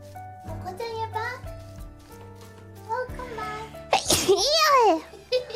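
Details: A VTuber sneezing during a gameplay stream: light talking over background music, then a sudden high-pitched single sneeze with a squeaky vocal tail.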